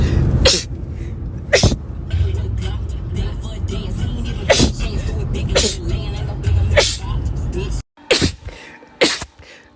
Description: Short compilation of rapid sneezes